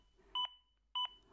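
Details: Danish AED Plus demonstration with the defibrillator guiding chest compressions: two clean, evenly spaced electronic beeps about half a second apart, the prompt tone pacing compressions; AED CPR metronome beeps.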